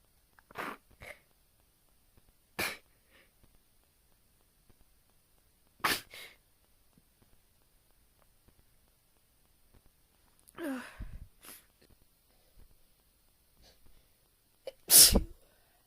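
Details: Deliberately induced sneezing recorded on a phone: five or six isolated sneezes spaced a few seconds apart in a quiet room, some with a short inhale beforehand.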